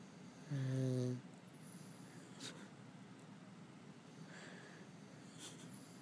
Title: Louie Snoring